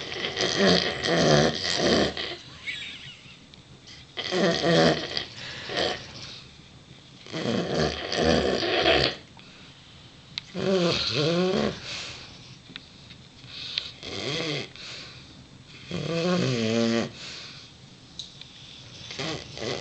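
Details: A Neapolitan Mastiff and a Dogue de Bordeaux snoring, as they do every evening: loud, rough, rattling snores in repeated bursts with quieter breaths between; faint background music.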